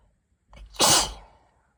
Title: Pre-cold tickly sneezes